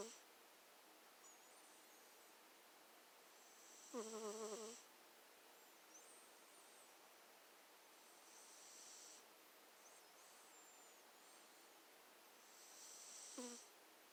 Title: 4 minutes of my cat Cersei snoring/sleeping cutely